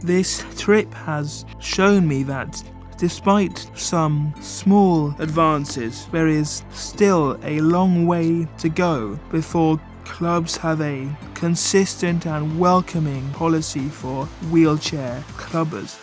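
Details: Man with cerebral palsy affecting his movement and speech, a wheelchair user; dysarthria (cerebral palsy).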